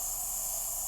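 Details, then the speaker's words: Steady high-pitched hiss of a running nebulizer with mask, giving a quick-acting drug to an asthmatic woman on dialysis for kidney failure who is short of breath, with bilateral wheezing worse on the left; brief speech near end. "It should open up her airways for us, and it means she gets a a lot less short of breath."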